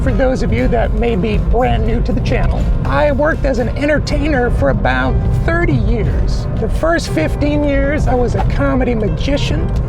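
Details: Adult man with persistently high-pitched voice, no treatment chosen; mutational falsetto (puberphonia).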